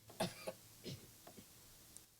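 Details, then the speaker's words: Small child coughing in the background. "I should turn that microphone down did you hear the small child coughing there"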